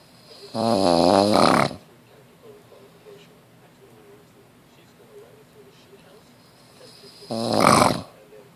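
Two loud, drawn-out, buzzing snores several seconds apart with quiet breathing between; snoring.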